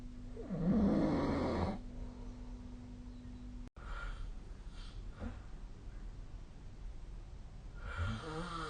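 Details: Ordinary sleep snoring: a rough, rumbling inspiratory snore, then quieter breathing and the start of another snore.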